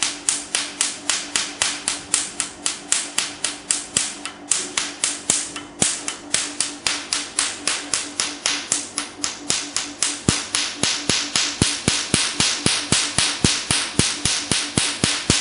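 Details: Rapid, regular, sharp snapping clicks, about 230 a minute, with a faint steady hum: a Q-switched Nd:YAG laser firing pulses during a "black doll" skin treatment, with the patient saying it is bearable.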